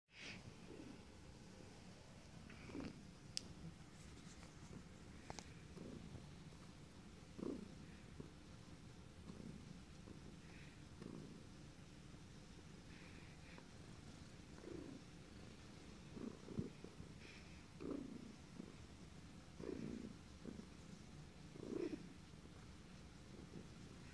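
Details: Cat named Puff purring steadily and low, broken every few seconds by brief sharp catches: hiccups during purring.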